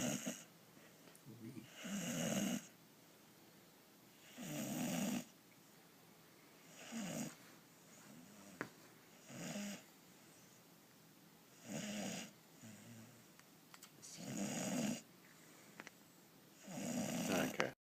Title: Toby Snoring